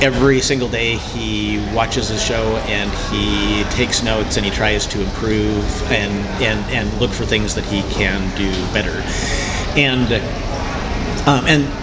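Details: Cluttering in a man unaware of any speech problem until age 27; his typical disfluencies are repeated words and phrases, interjections, revisions and compressed words.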